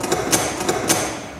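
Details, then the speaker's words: Insulin pump delivering an insulin dose, recorded for music composition about living with a child with type 1 diabetes: short series of quick mechanical clicks and whirs as the dose is given. "Ja så där låter det när man ger en insulindos på pumpen mm där är när man trycker på knapparna på pumpen till exempel"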